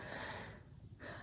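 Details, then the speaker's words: Soft, snorting noisy breaths with a low rumble under each breath from a sleeping baby girl, heard in the background while an adult talks: infant snoring. "I'm really sorry if you can hear her, like a little baby breathing, snoring. Hopefully she, it's not too loud over my voice."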